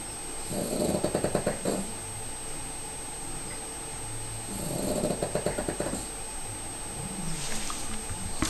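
Loud, fluttering, rattly snores from a sleeping small dog recur every few seconds with quiet gaps, over faint room noise: snoring.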